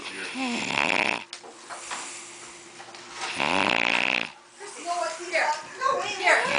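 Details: Snoring: loud, rattling snores on breathing in, two in a few seconds, with quieter noisy breathing between.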